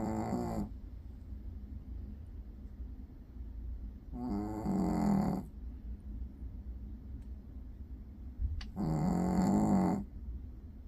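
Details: Dog that did not sleep at home the night before, now curled up asleep in an office: three low, rumbling snores on slow breaths in over about 11 seconds, quiet between them; ordinary snoring.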